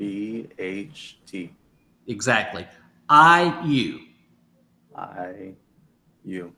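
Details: Adult man; aphasia.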